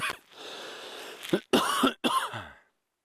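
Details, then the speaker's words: An adult man with bronchitis coughs during a live safari near cheetahs: a short burst of harsh, rattly, chesty coughs. "Sorry. My bad, Cheetah. A bit of bronchitis that I'm fighting. He didn't like the sound of that cough."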